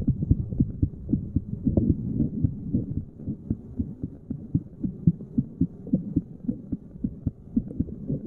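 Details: Resting heartbeat while sitting, recorded at various random chest spots by a layperson: low repeated thumping heartbeats with some rubbing noise from the recording; normal heart sounds.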